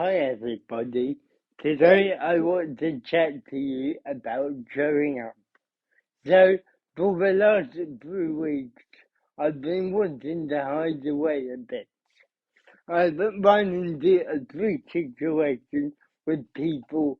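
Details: Adult man, about 30, living with cerebral palsy, who describes his own speech impediment as part of his condition: dysarthria (cerebral palsy).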